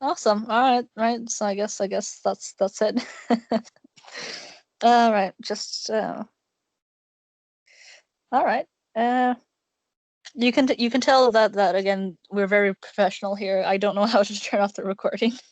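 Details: Male speaker with a self-described awful stutter; stuttering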